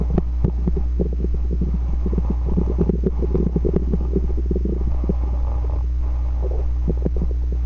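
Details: Ordinary stomach growling (borborygmi): continuous gurgling and rumbling with bubbly pops over a steady low hum.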